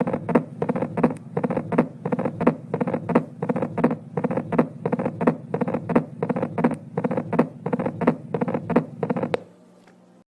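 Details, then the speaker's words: Tachycardia above 100 beats a minute, as in someone who has been running: rapid, regular heartbeat with sharp, prominent first heart sounds, a loud S1. "طبعا هنا مع الدم اللي موجود زائد الكونتراكت حيسكر الصمام بشكل عنيف. حيكون الصوت عندي الS1 حتكون عالية."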